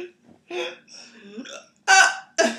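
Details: Adult with persistent hiccups that water did not stop, hiccuping while trying to speak: short voiced gulping bursts broken into speech, followed by a little bleat-like, lamb-like sound; hiccups.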